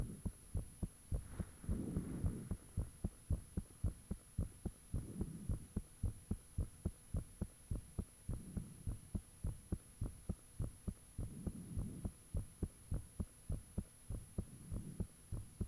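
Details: Own heartbeat recorded with the fan off, shortly after it became unusually thumpy: strong, clear thumps at about 105 a minute with periodic low whooshing swells and a steady high background tone; heart sounds.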